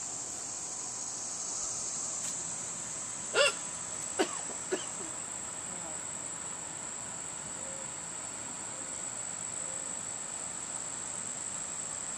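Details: Three short, abrupt hiccups over about 1.5 seconds from a woman (the filmer's mother), recorded outdoors with steady insect chirping behind them while dragonflies fly around; hiccups.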